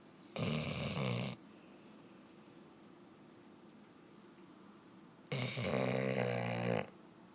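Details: Brewster, a companion animal of a paralyzed man, snoring: two loud, rattling snores about five seconds apart with quiet breathing between; ordinary snoring.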